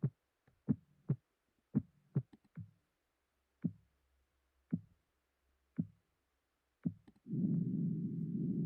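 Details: Simulated pulsatile tinnitus made with a sound-replication program: soft, low thumping clicks at an uneven pace, ending in a steady low rumble.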